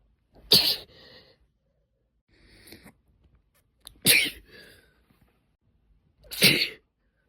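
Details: Induced sneezing in a female, triggered with a cotton swab stick or spray-bottle dip tube: three loud, forceful sneezes with brief quiet breathing between them, in a quiet room.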